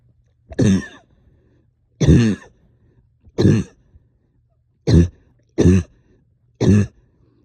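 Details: Coughing all night with stubborn sticky phlegm, heavy chest and headache: six full, throaty, rough, loose coughs over about seven seconds; a productive, wet cough.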